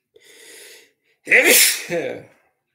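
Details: A sharp indrawn breath, then a loud explosive sneeze with a second voiced burst during a sneezing fit; repeated sneezing.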